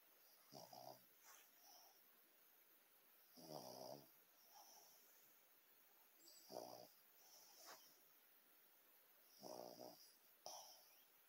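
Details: Regular rattling snores on each breath, about 20 a minute, over quiet room noise, recorded during the Super Bowl; ordinary snoring.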